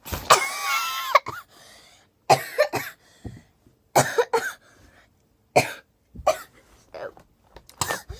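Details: Adult coughing partway through a hair vlog: a brief voiced sound, then a run of short, harsh cough bursts separated by quiet pauses.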